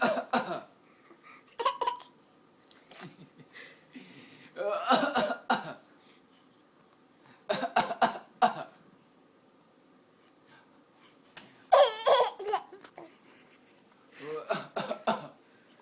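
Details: A child gives a series of deliberate, forced coughs and throat-clearing sounds, an acted cough jokingly described as practice to get out of school: voluntary (fake) cough.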